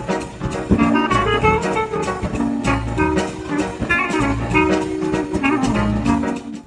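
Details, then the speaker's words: Jazz brass music processed as a cochlear implant simulation of a long electrode with anatomy-based fitting; a cochlear implant user says her real hearing is more natural than this simulation. "And as I heard snippets of your stimulation, I have to say that the last one that emitates anatomy based feeding does not imitate it like completely accurately"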